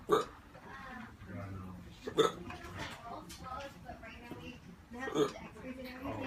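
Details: Man on day 8 of constant hiccups: three sharp, abrupt hiccups in about six seconds with quiet voiced sounds between; persistent hiccups.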